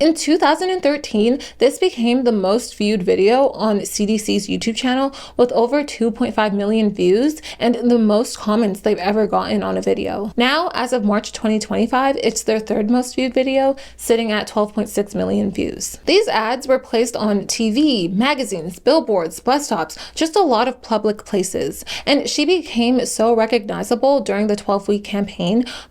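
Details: Adult woman narrator; normal speech.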